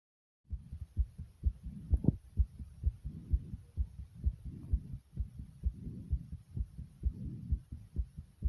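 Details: Person's own heartbeat and breathing: steady paired heart thumps at roughly 120 beats a minute with soft breathing swells underneath; quick regular heartbeat.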